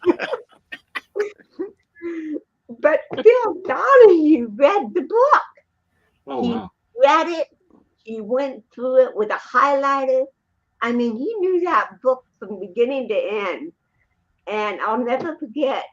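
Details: Adult woman, an actress and comedian, born with cerebral palsy in 1956; dysarthric speech in cerebral palsy.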